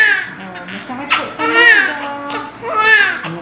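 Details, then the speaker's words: Newborn after normal vaginal delivery, just given vitamin K and hepatitis B vaccine: high-pitched, wavering cry in short bursts, with adult voices and room noise in the background. Newborn cry. "Hwag iiyak ha ang bilis na buti nagpadala ako agad Sorry ito na po eh umiyak po"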